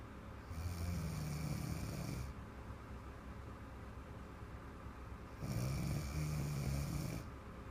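Two long, rough, rattling breaths in about 8 seconds, separated by quiet: loud snoring from a sleeping child.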